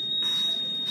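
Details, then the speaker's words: Steady high-pitched audible alarm from a Berlin Heart ventricular assist device console, shown with a red light during a perfusion lecture on troubleshooting alarms. "so when you get an audible alarm really uh you know it it obviously the little light lights up and you hear a noise"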